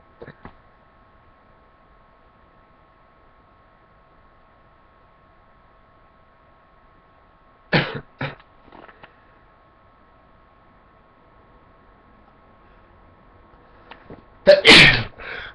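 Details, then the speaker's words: Self-induced wet, snotty sneezing from a person who uses light to trigger sneezes: long quiet stretches with faint sniffs and catches, then one loud wet sneeze burst, described as a nasal sneeze. "i felt it coming like wow i'm gonna start like sneezing out of my nose more often like those nasally ones"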